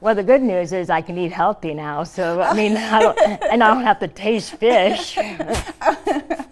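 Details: Adult woman, stage 4 epiglottic cancer survivor (2009), treated with surgery, chemotherapy and radiation; scar-closed airway, open tracheostomy stoma covered by thumb to speak; partial glossectomy for tongue cancer, no teeth or saliva glands; tracheostomy speech with articulation changes.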